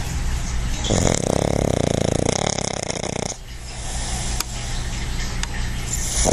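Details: Relaxed dog napping, described as a big-time snorer: a loud, rattling snore on an inbreath, followed by quieter breathing with room noise.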